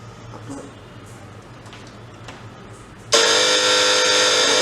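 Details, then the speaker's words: Faulty Kongchang-brand hospital suction machine during repair, capacitor found fine: quiet room, then a sudden loud, steady buzzing roar as it switches on, with excessive noise coming from the relay. "Capacitor ঠিক আছে দেখুন যখন চালু করি তখন relay থেকে প্রচুর শব্দ হয়"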